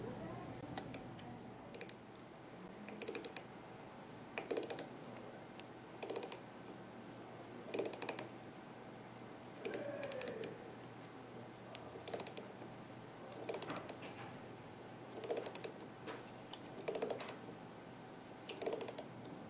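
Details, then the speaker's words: Repeated bursts of sharp mechanical clicks over a quiet hum as a ratchet wrench finishes seating a 3.75 × 13 mm C1 dental implant after it reached at least 35 Ncm; ratchet wrench implant seating. "now that the implant is placed and reached at least 35 Newton centimeter I'm going to finish placing it with the ratchet wrench for that I'll need the ratchet wrench adapter so I can use the same insert tool in my Mis ratchet wrench"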